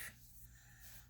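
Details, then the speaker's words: Small pet (female) sneezing, a brief sharp nasal burst followed by quiet room hum; owner says she sneezes when mad, e.g., when not picked up, seeking sympathy. "Can you hear her her little sneezing? You know, I realize that she does that sneezing when she's mad at me."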